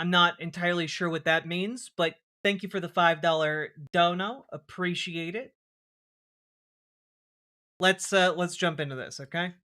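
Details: Adult male speaker; Normal speech.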